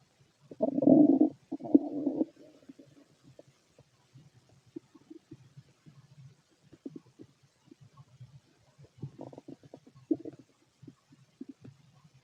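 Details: A fit male's empty stomach: two longer gurgling rumbles, then scattered soft clicks and gurgles, ordinary bowel sounds with little activity.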